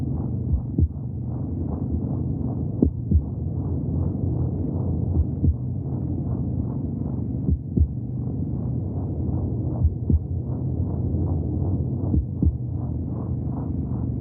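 Rapid, steady rhythmic whooshing pulses over a low rumbling background, the fetal heartbeat as heard in the womb.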